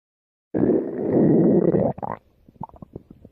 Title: My Stomach Growls (2019 Video)